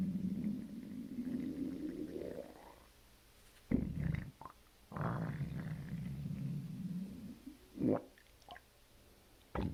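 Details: Stomach growling right after a large bowel movement: long, low gurgling rumbles with rising squeaky gas sounds; ordinary borborygmi from gas and fluid moving through the bowel.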